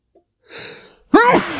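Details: Male, in the last of a short sneezing fit he cannot stop: a drawn-in breath then a loud, voiced sneeze burst, muffled into his sleeve; sneeze.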